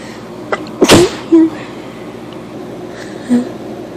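A single sharp, explosive burst of air preceded by a quick intake, with quiet room noise around it: one sneeze.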